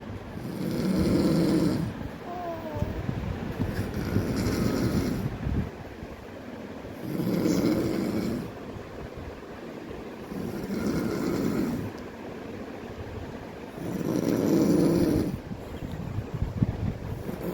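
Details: An infant snores in a steady rhythm, a soft rattling sound with each breath at about 17 per minute; snoring.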